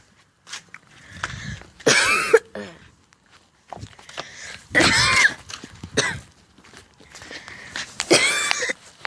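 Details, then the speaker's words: A person outdoors gives three harsh, forceful cough bouts with a throat-clearing quality and says they are perfectly fine. The coughing sounds imitated. "no worries guys I'm still coughing I gotta come and ask me if I'm okay yeah I'm actually really I'm perfectly fine but yeah coughing it you go and start coughing I'm outside by the way"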